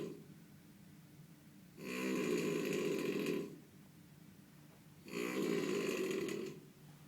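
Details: Hotel guest snoring at night: two long, loud, rattling snores on the in-breath separated by quiet breathing out; heavy snoring.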